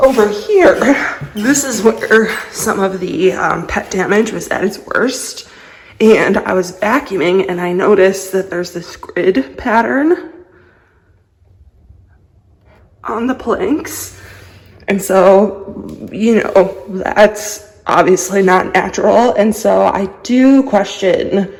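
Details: Adult woman with a lifelong vocal disorder, a medical condition she says is not caused by nerves, emotion or illness; voice tremor.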